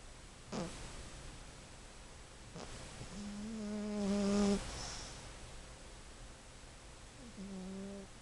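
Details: A 15-year-old sleeping cat snoring: two drawn-out, humming nasal snores on the breath, separated by quiet breathing with faint clicks.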